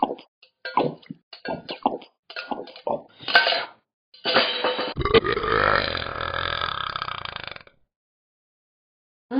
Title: way to much burping